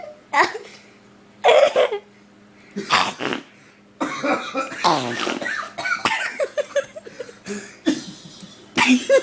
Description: I couldnt stop coughing and then it got worse and weirder